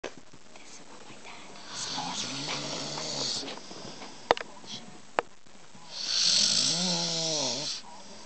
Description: MY DAD WAS SNORING SO ME AND MY BROTHER DECIDED TO TRY / SOMETHING OUT.